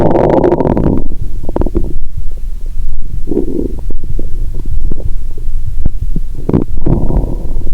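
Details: Person lying down after drinking cola and swallowing Mentos, stethoscope on abdomen: low, irregular gurgling and rumbling with a steady low hum between bursts; active bowel sounds.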